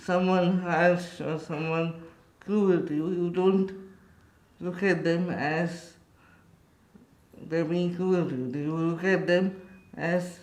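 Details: Adult man with cerebral palsy speaking in his own voice; dysarthric speech (cerebral palsy).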